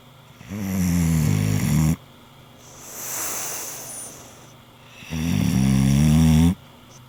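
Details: Sleeping English Bulldog snoring: two long, loud, deep rattling snores on breathing in, each followed by a softer breath out; snoring.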